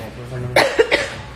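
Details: Adult woman who has been travelling through airports coughs: a short double cough burst, two quick harsh expulsions after quiet talk; she says she is fine, blames the heat and plans to get tested for corona.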